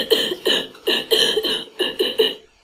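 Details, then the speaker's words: Asthmatic cough example from a cough-classification dataset: rapid run of about eight short coughs with a tight, whistling wheezy tone, easier to classify because wheezing is audible; asthmatic cough. "are a little bit the asthmatic cops are a little bit easier to um to classify because you hear the wheezing"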